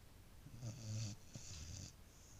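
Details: Boris, a Beagle who snores a lot, asleep: two low, rumbling snores, each a rough vibrating breath with a hissing edge; ordinary dog snoring.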